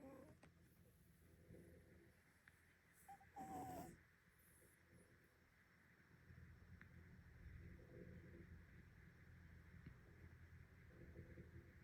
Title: 2 snoring tomcats and one nonsnoring nontomcat